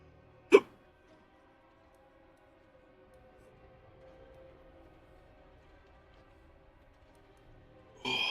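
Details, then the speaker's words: Adult streamer with hiccups during gameplay: a single sharp, abrupt vocal catch over quiet background music; a hiccup. "hiccups I don't know how bad that sounds in the Stream I don't think I've ever recorded myself with Hiccup hiccups before"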